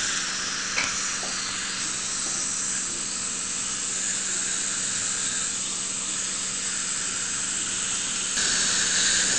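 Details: Steady high-pitched hiss with faint hum, then a brief louder hiss: electrosurgical unit cutting and coagulating during removal of a pedunculated lesion on a woman's palate; bleeding stops immediately.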